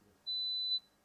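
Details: A single steady, high-pitched pure tone of about half a second in a quiet room, played during a hearing-aid fitting session for a tinnitus patient at an audioprosthetist; pure-tone audiometry test tone.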